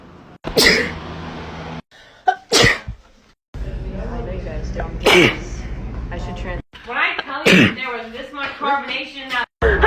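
Several loud, sudden sneezes from different people, each a sharp burst of air, with music and short speech between them.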